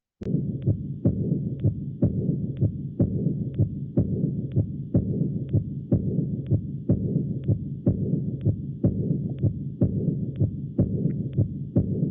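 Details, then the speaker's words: Austin Flint murmur in severe aortic regurgitation: regular heartbeat at about 62 a minute with a low diastolic rumble at the mitral focus, from functional mitral stenosis, filling the gaps between beats. "Esto va mencionar que durante la diástole escuchemos un soplo diastólico que también se conoce como retumbo en el foco vitral y se conoce como soplo o retumbo de ausl"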